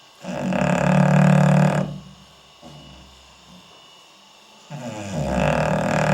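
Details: Sleeping English Bulldog snoring, filmed at night: loud, rough, rumbling snores with a pause between breaths, about two in six seconds; belly rising and falling.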